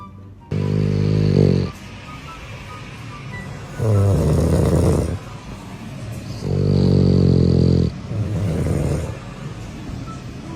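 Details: Snoring from a dog keeping a woman awake: loud, rattling low snores about every three seconds, roughly 20 a minute, with quiet gaps between.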